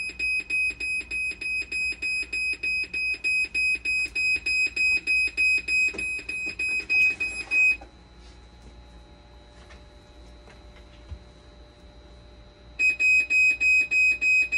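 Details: Dialysis machine under repair for conductivity failure, 12-volt and BP cuff problems, with the motherboard replaced: rapid, regular high-pitched beeping about 200 a minute, stopping a few seconds then resuming; fault alarm.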